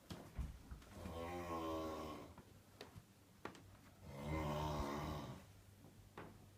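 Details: Two soft, rumbling snores on inward breaths about three seconds apart, with small clicks and room noise between; snoring.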